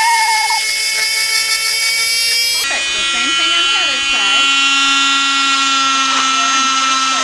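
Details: Loud, steady high whine that drops in pitch as the blade bites, with voices over it: a cast saw cutting off a plaster cast worn for a month.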